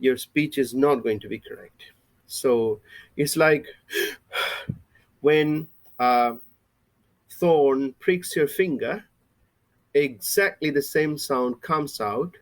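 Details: Adult male with lifelong stuttering since he began speaking, mother also stutters; a recovering stammerer using breathing techniques from a stammering recovery course and a speech synthesizer for lectures; stuttering.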